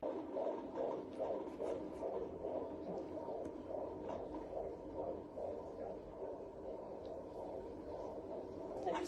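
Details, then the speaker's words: Rapid, regular galloping whooshing fetal heartbeat, about 140 a minute, found by the mother on a home Doppler after about 10 minutes of searching, possibly because the placenta was in the way; fetal heartbeat. "i finally found him and it was just this this rush of emotion to hear that little that little galloping heartbeat"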